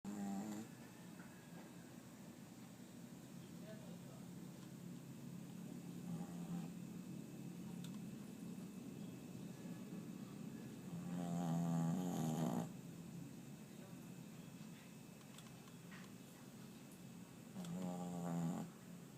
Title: Snoring... :)